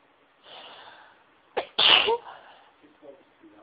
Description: Induced Sneezes that felt so good